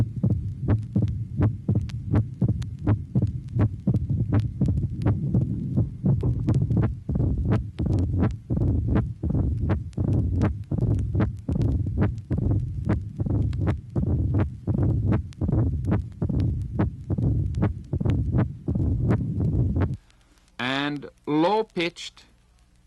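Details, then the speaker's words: Mitral stenosis, from a 1967 vinyl teaching record: loud first heart sound, an opening snap after the second sound, and a low-pitched diastolic rumble with presystolic accentuation. "tracing number 22 mitral stenosis two phonocardograms of the same patient loud first heart sound and opening snap clearly identified in diastole following the second sound indicated by the abbreviation o s"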